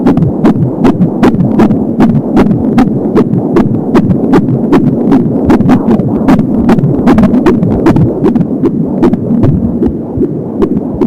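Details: Fetal heart sounds at 26 weeks of pregnancy, heard for the first time with an Angel Sound home fetal Doppler: rapid, regular heartbeat at about 170 per minute, with a whooshing umbilical cord sound.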